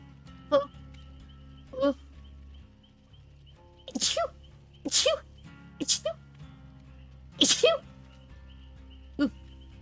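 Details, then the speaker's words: VTuber on a livestream; a run of about six sharp sneezes in quick succession over light background music: sneeze. "Woo, I'm about to sneeze. Achoo! Achoo! Achoo! Achoo! Achoo! Achoo! Sorry about that. I had to sneeze."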